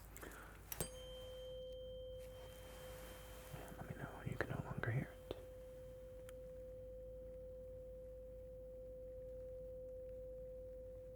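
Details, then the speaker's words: Simulated ASMR role-play ear exam for suspected hearing loss: a larger, lower-pitched tuning fork is struck, giving a steady low hum that slowly fades while the listener reports when it stops; tuning fork hearing test. "I do find the larger ones the more Bassy uh I like the stone that's great to me it reminds me of a um this uh this reminds me of uh the singing like Tibetan singing bowls they use for meditation"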